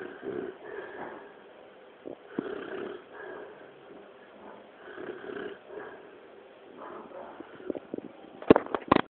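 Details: Adult man (a father) asleep and snoring: soft, irregular, snuffling snores on each breath, with a few sharp clicks and knocks near the end.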